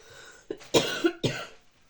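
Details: Adult woman coughing while talking, saying she is starting to fall ill: three short, harsh cough bursts in quick succession in a quiet room.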